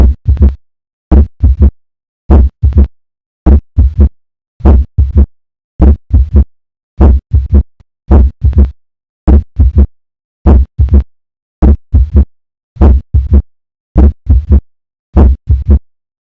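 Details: Slow, regular heartbeat with a soft murmur starting just after the second heart sound: early diastolic murmur.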